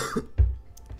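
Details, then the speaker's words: Very annoying lingering cough, which the person suspects was worsened by spicy restaurant food and karaoke singing: a single short, deep cough with a faint throat-clearing sound. "I occasionally cough but then um I think oh wait here are a couple things that might have strained my throat even more and caused this"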